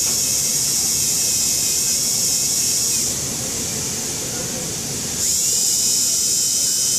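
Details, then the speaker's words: Continuous high whine of a dental handpiece, dipping briefly under load, as a flexible sand disc polishes the marginal ridge of a Class II maxillary MO composite filling on tooth #3, moving from coarser to finer discs. "And afterwards, I'm going to use a finer one to just make sure it's nice and smooth."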